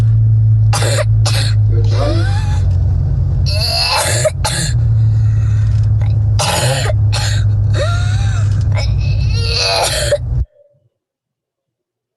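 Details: Young girl with inspiratory stridor before endoscopy: harsh, noisy breaths with high-pitched crowing tone on inspiration, from a pediatric airway/ENT case session.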